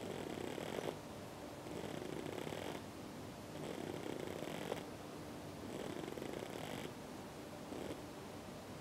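Soft, rhythmic rasping breaths repeating about every two seconds, a snore-like sound from a resting bird.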